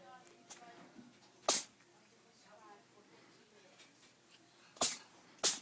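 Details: Cat sneezing: three short, sharp sneezes, with soft voices faintly in the background.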